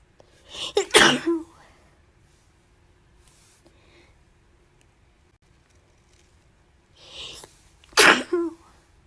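Two sharp sneezes, each with a quick inward gasp before an explosive burst, several seconds apart, in a quiet room.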